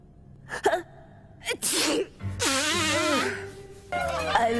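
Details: Woman sneezing: sharp bursts with a drawn-out voiced outburst over faint background music; sneezing.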